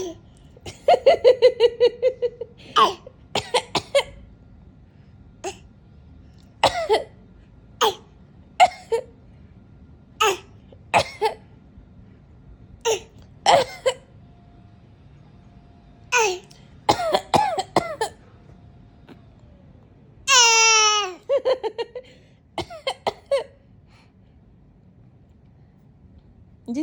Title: When you live the way mummy coughs 😂😂